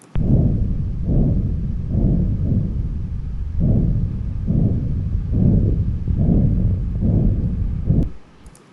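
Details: Auscultation over a patient's AV fistula: continuous, pulsatile low whooshing bruit that swells and fades with each pulse at about 69 a minute, with no heart sounds heard besides the murmur; arteriovenous fistula bruit.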